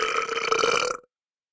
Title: SFX - SOUND EFFECT: BURP #3 - RÜLPSER #3